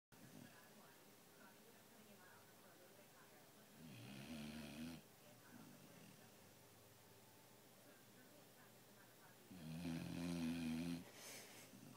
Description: Dog imitating a chainsaw